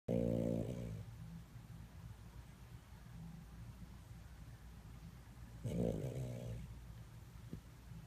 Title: Our Dog Maltese Snowy Snoring like a Pig😂 #maltese #dogsnoring #goodvibes #doglife #pets